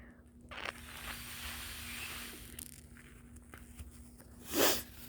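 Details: Early-morning nasal congestion blamed on the weather, mostly quiet rustling then one loud harsh burst near the end: cough with nasal congestion.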